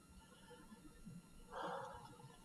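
A single soft, rushing breath heard through a stethoscope over the front of the chest, with faint room noise: normal breath sounds.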